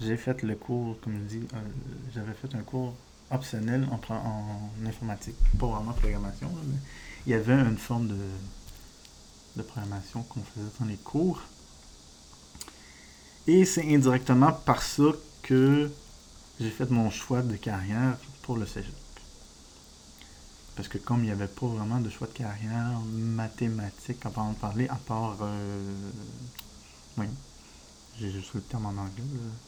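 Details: Adult man with diagnosed ADHD; speech disfluency (stuttering-like) he says resembles stuttering but is not stuttering, linking it to ADHD.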